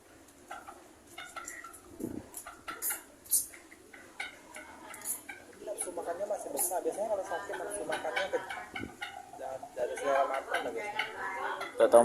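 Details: Red jungle fowl chicken, seeming sick: brief sharp snicks repeated several times, sneezing consistent with respiratory illness.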